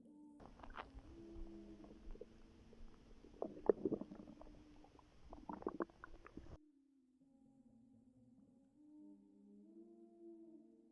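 Soft gurgles and drawn-out rumbling tones from the belly in a quiet room; ordinary stomach growling.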